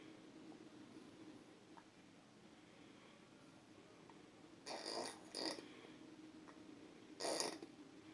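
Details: Man snoring very loudly in his sleep, loud enough to startle himself; snoring.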